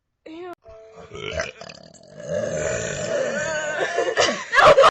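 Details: Several voiced, throaty belches with a short tonal one at the start, over faint background music; ordinary burping.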